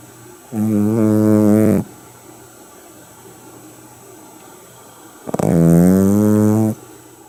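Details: Sleeping Shih Tzu dog snoring: two loud, drawn-out droning snores with a quiet pause between them.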